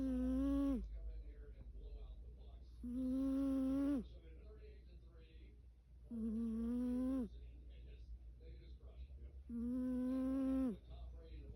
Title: Snoring Fat Cat 🐈‍⬛